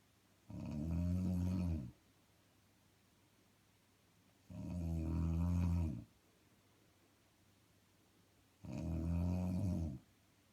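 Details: Woman snoring: three deep, rumbling snores at steady intervals, about 15 breaths a minute, with quiet pauses between them.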